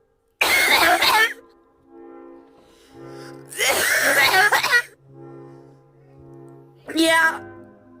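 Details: Three harsh, forceful coughs over background music, the last shorter with a squeaky, whistling edge; an unusual-sounding cough, possibly wheezy (asthma tagged), person then says they are fine.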